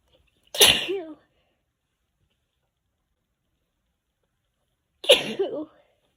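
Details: Two sharp sneezes about four seconds apart, each a sudden burst with a brief voiced end, in a quiet room, tagged hay fever; sneezing.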